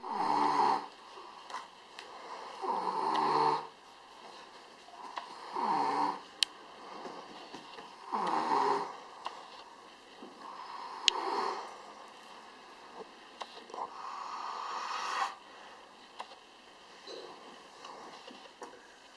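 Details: Snoring: rhythmic rasping snores with each breath, about 22 a minute, some irregular, in a quiet room.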